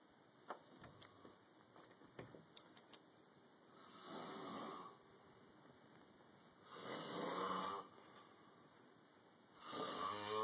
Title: Snoring guy on the couch